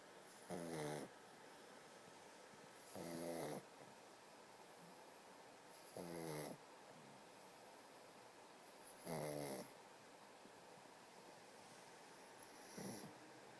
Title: Shhhhh SomeBuddy's Snoring